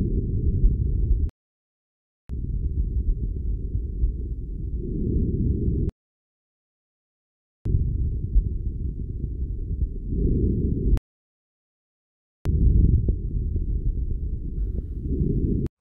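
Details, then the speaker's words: Normal vesicular breath sounds in a healthy person, stethoscope diaphragm moved from lung bases upward and compared side to side, arms raised for costal and subaxillary areas: soft, low, mostly inspiratory rustling. "should perceive normal breath sounds with the same intensity and tone on both sides [Music] [Music] normal breath sounds are almost exclusively inspiratory sounds soft and low in tone"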